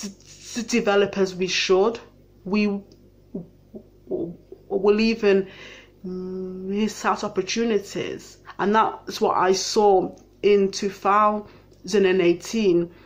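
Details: Adult living with a stammer; stammering.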